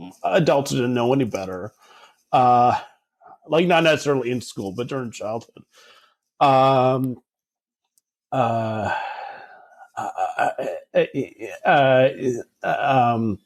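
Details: Adult man who stutters, speaking in a real podcast interview, with filled pauses and repetitions heard; stuttering.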